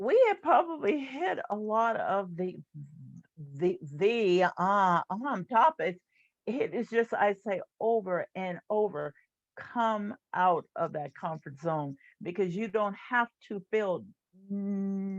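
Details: Adult woman who stutters; stuttering.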